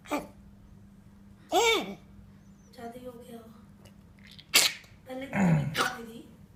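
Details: Cough of a 37-day-old Labrador puppy with a throat infection after eating something hard that scratched his throat; vet prescribed cough syrup.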